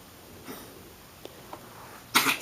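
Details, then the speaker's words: Dog with a cough: quiet room with faint short noises, then one loud, harsh coughing burst. "you can hear my dog coughing."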